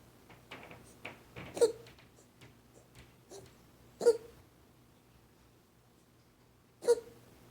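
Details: Highlander kitten coughing, not a hairball; episodes have occurred once a day for a few weeks and recently 5–6 times in 30 minutes.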